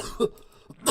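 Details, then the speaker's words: An adult recovering from an illness that week, who coughs when laughing: two short, harsh bursts under a second apart, a cough then a throat clear; post-viral cough. "I was sick this week. Uh, I'm coming off of it now, but I I get I cough a lot when I laugh. So, if anything in this show makes me laugh, you'll hear me die coughing."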